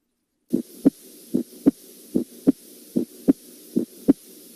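Regular paired heartbeats at about 74 a minute, clear first and second heart sounds without extra sounds.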